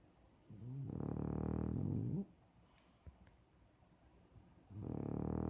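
Two long, low, vibrating snores on inhaled breaths, with quiet pauses between them: loud snoring.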